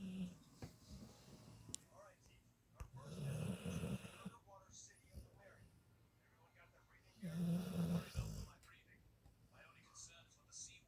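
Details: Hank snoring (July 2022 recording): two loud, rough, low rattling snores about four seconds apart, with quieter breathing between.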